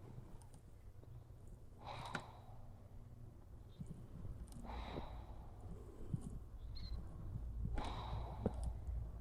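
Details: A resting pug breathing without snoring: three soft, snuffling breath sounds over about nine seconds, each with a faint snort, over a heavy low background hum; noisy breathing.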